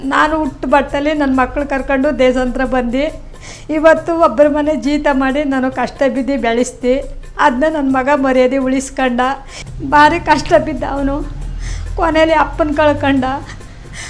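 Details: Adult woman speaking Kannada; Normal speech.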